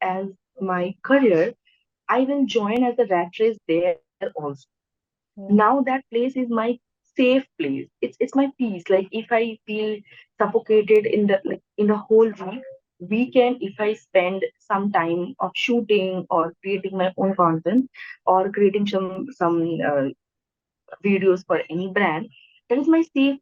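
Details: Adult woman who stammers, speaking naturally in conversation; stuttering.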